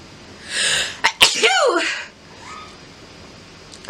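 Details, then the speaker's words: Adult woman sneezing after sniffing pepper-dusted flowers: sharp inhaled build-up, then an explosive sneeze with a brief voiced tail, quiet afterward. "lots of sneezes from that one it's coming huh"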